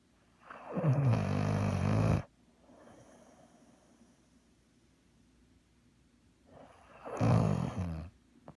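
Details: Snoring that occurs when his head rests at an angle, as on a lap: two loud, low rattling inspiratory snores about five seconds apart with quiet breathing between.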